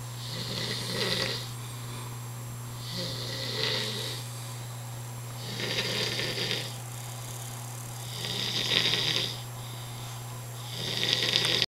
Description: Roomate keeping me awake...tried yelling, kicking, threw stuff, shook bed, nothing...this guy is sound sleeper